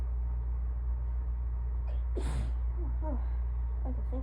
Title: Nope, not done! Allergy sneezing fit part 2